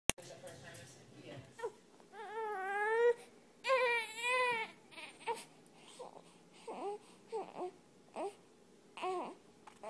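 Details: Infant cries in two long wavering wails, then settles into short, softer whimpers while a cat soothes the baby to sleep.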